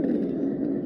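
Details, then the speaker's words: Chest auscultation: a brief, steady, musical squeaking tone, mostly on expiration: high-pitched wheeze. "high-pitched wheezes are musical squeaking sounds mostly on expiration"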